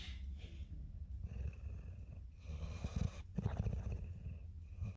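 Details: Sleeping pit bull with low rumbling, fluttering breath noise rising and falling with each breath; snoring.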